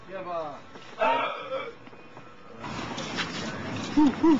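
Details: Person with Tourette syndrome making vocal tics: abrupt, wordless noises and short yelps bursting out between quieter stretches.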